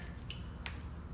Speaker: You will hear it snap. And that's how you know you have it assembled properly.